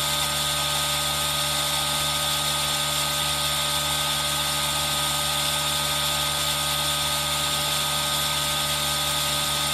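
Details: Steady, continuous mechanical hum with a hiss from a running aerosol nebulizer, recorded on a Zoom H1n for ASMR, mixed with rain sound.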